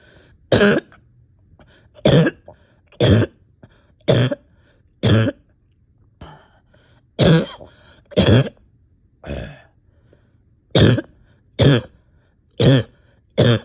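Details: About twelve single, harsh coughs spaced roughly a second apart, with quiet breaths between, from an exhausted person with on-and-off chest and stomach pain: persistent repeated cough.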